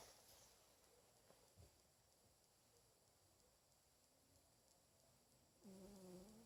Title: My cat snoring